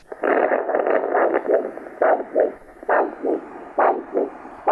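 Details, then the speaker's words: Normal triphasic arterial signal from a handheld Doppler over the brachial artery at the antecubital space, before ankle-brachial index measurement: rhythmic whooshing pulse at about 68 per minute. "that's a nice signal it's a normal triphasic pulse waveform that we're hearing with our Doppler"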